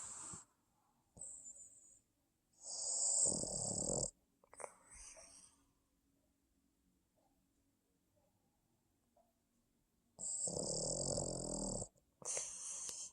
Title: snoring sleep boston terrier